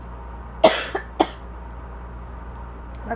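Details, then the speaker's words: Asthma cough, possibly somewhat drier today, from a patient with allergies during southern spring, with watering eyes and congestion that shifts from dry to congested and does not clear; two short, fairly dry coughs with a faint throat sound after. "problem is that it'll go from pretty dry to like kind of congested, but like the congestion doesn't like move, like it doesn't like, I don't know, like it doesn't like clear itself or anything."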